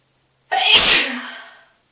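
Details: Single loud explosive sneeze with a sharp intake and a fading echoey tail, recorded sneezing in a bathtub.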